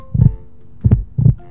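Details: Three deep, regular lub-dub heartbeats at a steady rhythm, used as an example of a steady beat in a grade 1 music lesson on rhythm.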